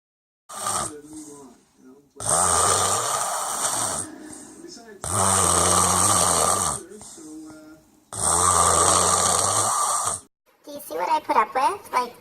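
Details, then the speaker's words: Sleeping father (Snoring Daddy), the person filming says he denies how bad it gets; very loud, harsh, rattling snores with each breath about every three seconds plus softer out-breath noises; heavy snoring. "He doesn't even believe me, like, how bad this shit gets. Like, hello. He's all like, I don't get that bad. I don't sound like that."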